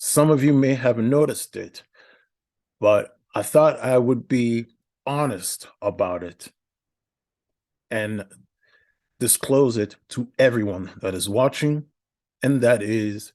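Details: Adult male podcast host with a speech impediment for about a decade, in therapy for stuttering; stuttering with many filler words, odd verbal interruptions and repetitions.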